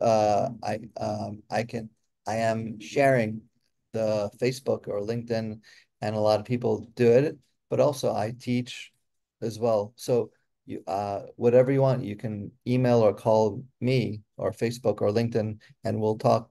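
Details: Real adult woman with aphasia who is a member of an aphasia institute; word-finding pauses and a truncated word; aphasia.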